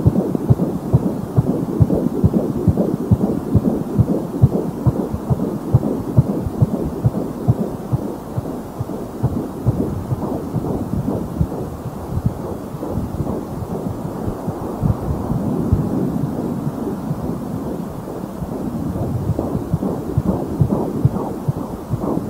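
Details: Rapid, regular whooshing fetal heartbeat at about 136 beats a minute, heard by Doppler at 16 weeks of pregnancy.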